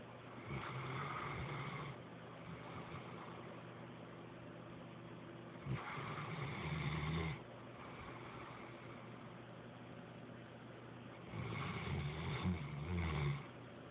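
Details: Dog sleeping with mouth wide open, possibly dreaming: low rattling snores in three bursts over about fourteen seconds, with steady background hum: snoring.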